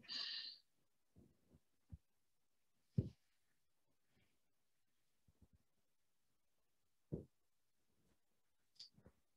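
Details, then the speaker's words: Hip popping heard as brief dull pops and clicks during a yoga hip-rotation exercise, with the knee raised toward the chest and swung out to the side, in a quiet room. "if you can hear my hip popping that is a difference for"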